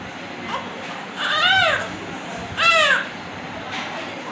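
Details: Newborn baby admitted to a hospital NICU: two short, strained cries rising then falling in pitch, with room noise between them.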